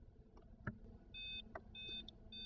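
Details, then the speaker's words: ZOLL Real CPR Help feedback alarm during CPR training in a lab: repeated electronic beeps over room noise and compression thuds, warning that chest compressions are too slow (an "R" shows on screen) and prompting the rescuer to push faster. "these compressions are too slow as evidenced by the r on the screen and the audible alarm push faster"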